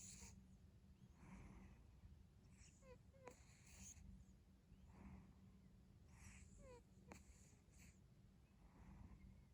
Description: this is yang , my cute cat , this is him snoring while sleeping 😘💕